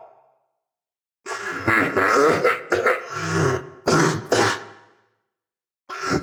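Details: Genuine coughing from a person who is actually sick, recorded during a voice-acted roleplay: runs of harsh, throaty coughs in quick bursts, a short pause, then another cough.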